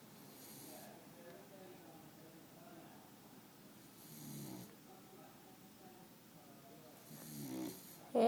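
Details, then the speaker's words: Sleeping beagle snoring: rhythmic, rasping sleep breaths with a buzzing vibration every few seconds. "you're snoring. It's not very sexy, you know. Al, the snoring beagle."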